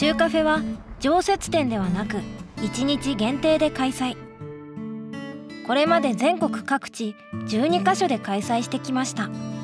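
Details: Adult narrator; Fluent speech.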